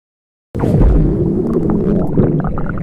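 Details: Stomach growling in the morning before breakfast from hunger: a loud, low, continuous rumbling gurgle lasting about two seconds.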